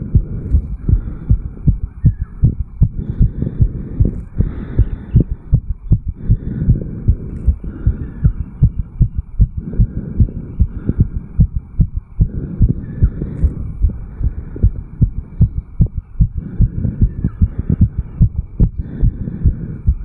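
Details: 34-year-old male, sinus tachycardia after jogging: rapid, regular, forceful heartbeats at roughly 155–180 bpm, recorded at the mitral valve area.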